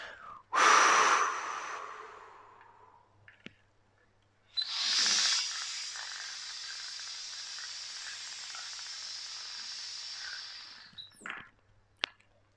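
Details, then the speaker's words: Incentive spirometer use demonstrated: a sharp breath out, then a long steady deep breath drawn in through the device and held longer than five seconds, ending in a release. "okay let's go together so i'm going to take a deep breath"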